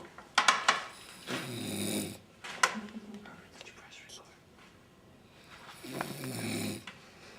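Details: Two loud rattling snores with sharp clicks, from a male; snoring.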